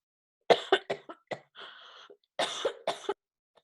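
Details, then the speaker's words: An adult lecturer coughs during a Zoom class while starting to talk about COVID: about five short dry coughs, a noisy breath in, then two more coughs in a quiet room. "Miren, empiezo a hablar del COVID y empiezo a toser."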